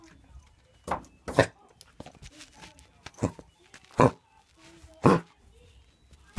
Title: Foxy Coughing